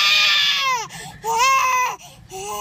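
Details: Irritated, sleepy baby: loud, high-pitched infant wails in two long bursts with gasping breaths between; ordinary crying.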